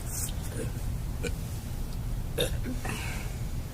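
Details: Girl burping: several short, throaty, loud bursts of swallowed air over steady low background noise.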